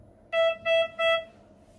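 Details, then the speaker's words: Biolight S12 patient monitor connected to an M6000C central monitoring system: three short, even, clear tones as the SpO2 probe comes off the patient's hand, a sensor-off alarm. "and the machine will alarm spu2 sensor off and also on the cms you'll be seeing the sp2 sensor off notification in real time"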